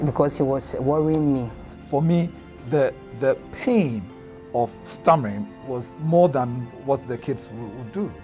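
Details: Adult male speaker, background music; stammering.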